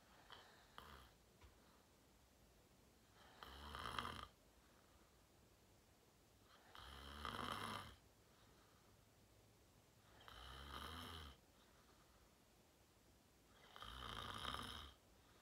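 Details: Person filmed asleep, falling asleep fast and sleeping deeply; loud rattling snores on each breath, about four in fifteen seconds, in a quiet room; snoring during deep sleep.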